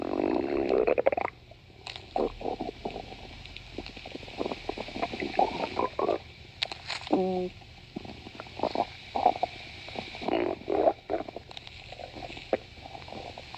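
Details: Stomach growling: irregular low gurgles, rumbles and squeaks from the belly with soft room noise, as gas and fluid move through the gut; borborygmi.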